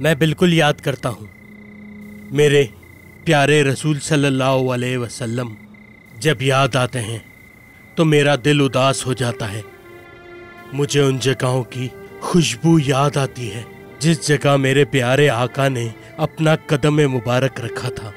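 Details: Adult male speaker; normal speech.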